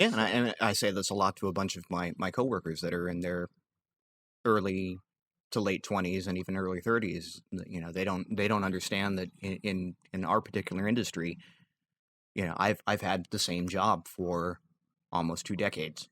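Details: Adult male podcast co-host with a recurring stammer he acknowledges himself, speaking during a disfluent stretch; stuttering (stammer).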